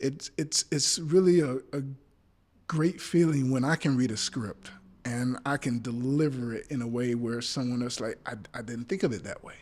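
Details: Adult male actor with a speech impediment, stuttering in conversation while trying to remember; he says it is not from nervousness: stuttering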